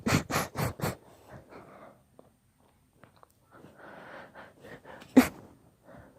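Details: Long induced sneezing fit: a quick run of four sharp sneezes, then sniffly breathing and one more loud sneeze. Sneezing.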